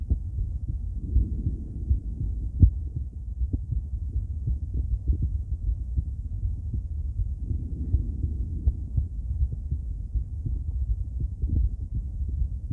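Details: Female heart auscultated with various stethoscopes through a microphone, moving from Erb's point to mitral, tricuspid, aortic and pulmonic areas: low, muffled beats about 80 a minute with stethoscope rubbing noise; normal heart sounds.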